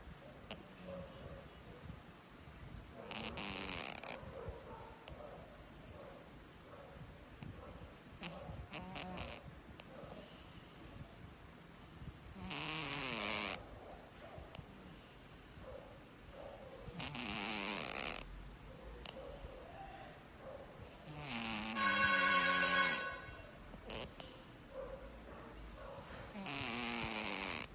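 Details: Scottish Fold cat snoring while asleep: rhythmic raspy breaths, about 13 a minute.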